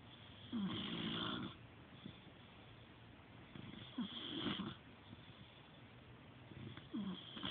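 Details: Snoring in an old male dog sleeping on a feather bed: repeated soft snuffling snores about every three seconds, with light background noise.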